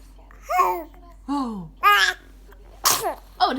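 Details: Several loud voiced bursts, one with a sharp explosive rush of air, fitting a series of forceful sneezes from a big sneezer; sneezing.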